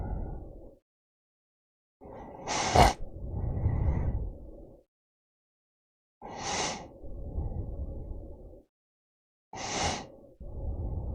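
Loud snorting snores with noisy breaths between, about 17 cycles a minute, separated by abrupt silences; snoring.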